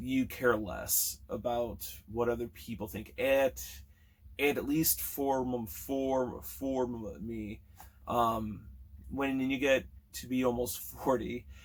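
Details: Stuttering in a man almost 40 who has stuttered since kindergarten or first grade, with repetitions, prolongations and blocks, especially on s and t words, plus filler words and word switching.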